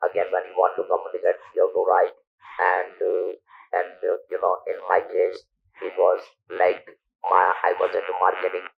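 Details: Male survivor of stage 4 vocal cord (throat) cancer, operated in 1997 (about 10,000 days earlier), natural voice lost, speaking with an external electrolarynx device; electrolarynx speech.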